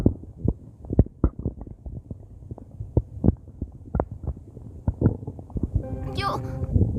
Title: stomach growling in crying